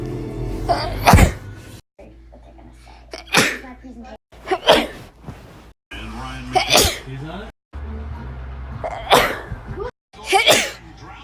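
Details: Six loud sneezes in quick succession, each with a short intake before the burst, over background music.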